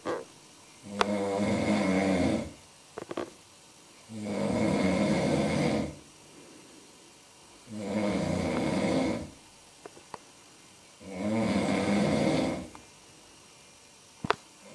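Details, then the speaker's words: Heavy snoring from a sleeping man at 5 a.m.: loud, rattling snores on each breath in, about 18 a minute, steady and regular with quiet pauses, loud enough to be heard from the bathroom. "ese cabrón no me deja dormir ronquidos se escuchan hasta el baño no"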